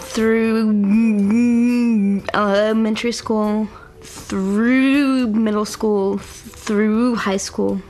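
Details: Adult woman with cerebral palsy and a self-described stutter; stuttering with cerebral palsy.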